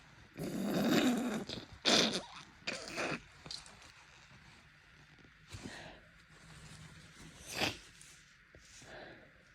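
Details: Wet, congested sneezes then sniffing and nose blowing during pollen allergy season, with bloodshot swollen eyes and blocked, runny nose; allergic sneezing.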